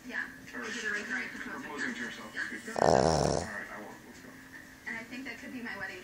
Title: Boston terrier/pug snoring